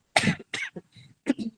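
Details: Adult woman who says her health has worsened slightly, at the end of a talk: a strong, harsh cough, then a shorter cough and brief throat-clearing bursts; cough with throat clearing.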